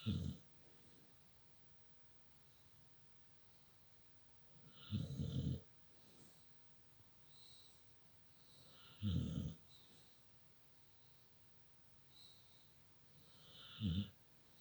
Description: Daft dog, sleeps with her head in her mum's pillows and snores away, smiling in her sleep.